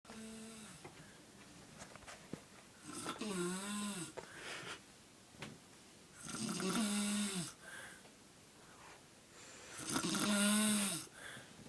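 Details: Heavy snoring in a person: three loud, buzzy, tonal snores on the inward breath at about 17 a minute, with quiet breathing between them.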